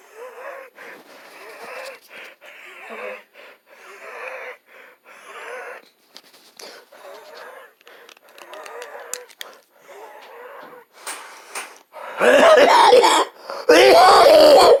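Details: Wheezing during an asthma attack while coughing up blood and choking violently: rapid, labored breaths with a whistling, wheezy tone, ending in two loud, harsh coughing or choking bursts.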